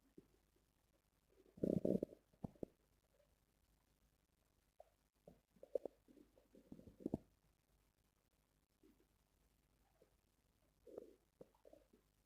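Several soft gurgling rumbles, the loudest near the start, separated by quiet; ordinary bowel sounds of a growling stomach.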